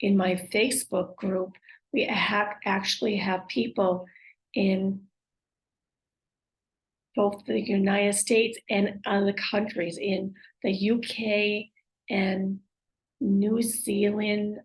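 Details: Woman with aphasia, apraxia of speech and dysarthria acquired after a stroke; aphasia with apraxia of speech and dysarthria.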